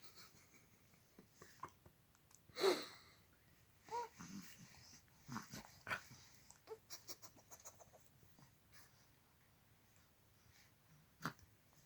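A dog gives one sharp, forceful sneeze, followed by softer snuffles and huffs through the nose.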